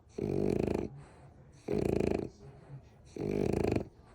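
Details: Three loud, rattling snores on the in-breath with quieter breaths out between, about 40 a minute; ordinary snoring.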